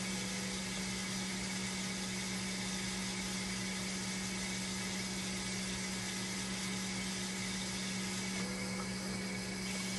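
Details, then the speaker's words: Hemodialysis machine on a test run during repair; the temperature was not rising and a flow error still appeared: steady low hum and pump noise. "Once na tumakbo yung machine, dapat umiinit na ito. Tignan natin, patakboy muna natin, test natin."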